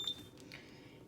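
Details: One short high beep, then quiet room sound: a BiPAP machine's normal power-on tone during a practice setup, after it is plugged in, as it begins warming up before spontaneous/timed mode is shown.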